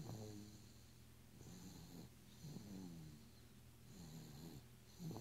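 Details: 9-month-1-week-old baby snoring in quiet sleep: soft, rough, low rattling snores with each breath in, about 23 a minute.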